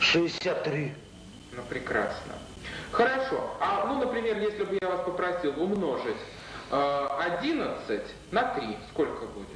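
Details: Adult male interviewer; normal speech.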